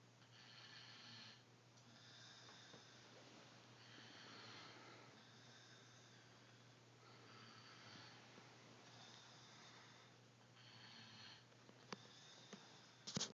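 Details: Soft, regular breathing with a rough, fluttery quality on each breath over steady room hum; quiet snoring.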